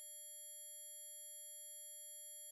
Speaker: okay guys as you just saw in the title only kids can hear this weird sound yep adults can't hear this